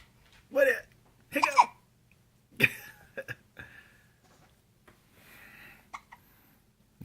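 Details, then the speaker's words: Baby girl with hiccups: several short, abrupt hiccups at irregular intervals in a quiet room, with a few soft baby vocal sounds between them as a parent talks to her; infant hiccups. "do you have the hiccups are you feeling a little hiccuppy yeah a little hiccuppy hiccup hiccup say hiccup"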